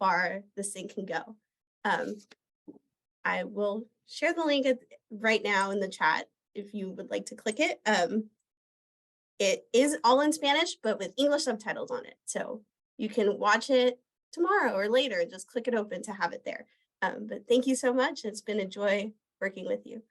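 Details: Adult woman speaking; fluent speech.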